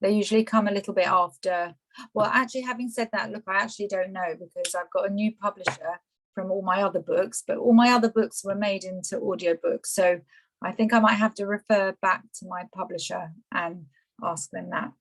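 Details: Adult woman speaking; ordinary speech.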